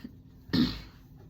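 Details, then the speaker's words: A young person recovering from a sinus infection, with hypermobile Ehlers-Danlos, gives a single short, rough throat clear with a harsh burst while first talking in the morning. "[clears throat and cough] Yep, you can hear. I was sick."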